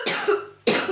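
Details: Cough in a talk on cough and cold in children: cough.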